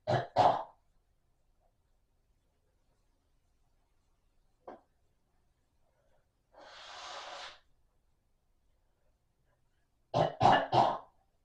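Two short coughs, a brief breath sound, a long noisy inhalation, then a run of three coughs in a quiet room.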